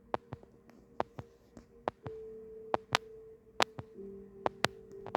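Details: Heart sounds of normal sinus rhythm, presented with the ECG reading; normal sinus rhythm.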